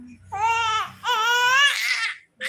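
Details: 3-month-old baby girl screaming until trembling after ear piercing: loud, high-pitched, tense wailing in two long bursts turning harsh and strained; an infant pain cry.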